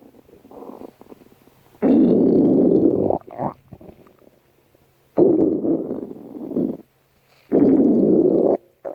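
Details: Three long, loud gurgling rumbles with quieter rumbling between them; ordinary stomach growling (borborygmi).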